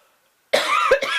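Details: Single harsh, throat-clearing cough from an adult with throat irritation after a perfume-triggered allergy attack, sick all weekend, throat still weird.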